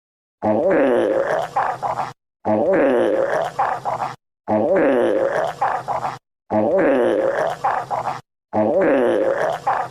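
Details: Five long, similar rumbling gurgles, each about two seconds, repeated at regular intervals; stomach growling (borborygmi), normal gut sounds.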